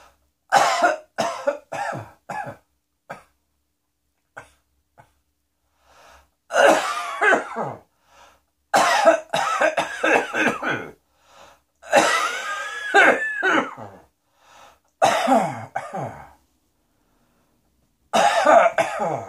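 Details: Cough: repeated bouts of harsh coughing with throat clearing and short pauses between runs.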